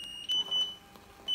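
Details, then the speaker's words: Zoll R Series Plus cardiac monitor defibrillator in test mode, charged to 30 joules for a test shock: short high-pitched electronic beeps with quiet room sound between tones. "I've selected 30 joules and now I have to charge it so I'm clicking the charge for them so it's charging now"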